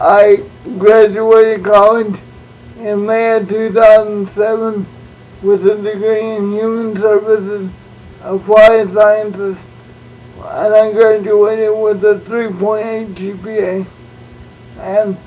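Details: Adult man born prematurely with cerebral palsy, uses a wheelchair, also reports dyslexia and dyscalculia; no speech disorder named; speech in cerebral palsy (possible dysarthria).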